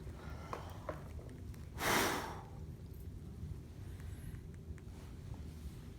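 A single loud, rushing nasal snort or forceful exhale stands out against steady room noise and faint background music.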